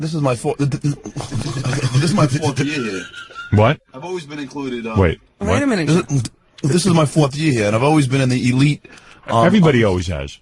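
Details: Adult man, born 1965, who has stuttered since second grade; stuttering.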